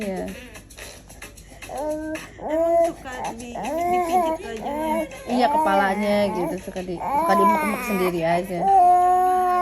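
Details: Infant with cough and cold crying: repeated rising and falling wails, with adult talk and background music in the background; ordinary infant crying.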